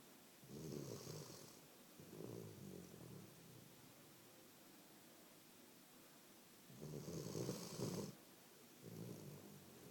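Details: Low rattling snores on each breath in with softer sounds on breathing out, separated by quiet pauses, from a sleeping Labrador dog; snoring.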